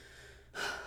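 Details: Woman with Tourette syndrome whose tics interrupt her unpredictably; vocal tic (gasping/snorting).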